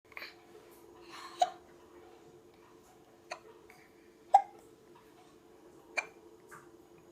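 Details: Twins with hiccups: short, sharp hiccups at irregular intervals, about four in seven seconds, over a steady background hum.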